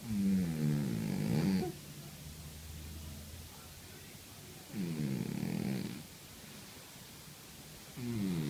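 Loud, rough, rattling breath sounds on each inhalation with quiet pauses between, about 14 breaths a minute: snoring in a sleeping cat.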